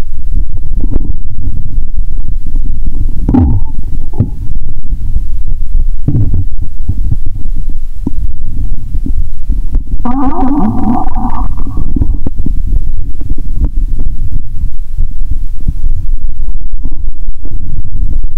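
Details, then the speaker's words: Stethoscope on the abdomen after drinking cola with Mentos, belly painful: loud, low rumbling and gurgling with bubbly squeaks, bowel sounds. "Bạn có thể nghe thấy âm thanh của cola trong dạ dày của mình 👂 ♪. "Rốt cuộc là đau quá 😂"."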